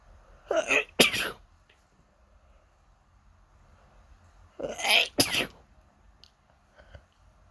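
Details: Repeated sneezing right after waking with an itchy nose: two pairs of quick sneezes, each preceded by a short intake of breath, in a quiet room.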